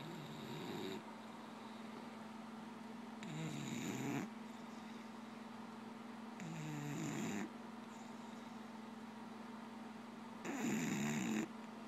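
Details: Sleeping dog: four rhythmic rattling snores, about one every three seconds, over a steady background hum; dog snoring.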